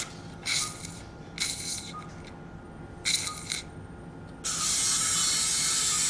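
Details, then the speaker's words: Surgical drill: three short high-pitched whirring bursts then sustained high-speed drilling of the inferior ear canal wall for residual exostosis on the right, during transcanal revision tympanoplasty for severe tympanic membrane lateralization. "okay so I need now to drill out the inferior part of the inter worldall because I think we have some exostosis residual exostosis on the right you can see here"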